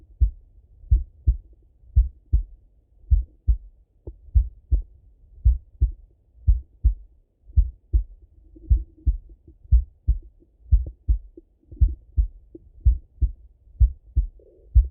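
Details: Male heart auscultation through a stethoscope, recorded either sitting at a desk or lying in bed: clear regular lub-dub at about 80 beats a minute, no extra sounds; normal heart sounds.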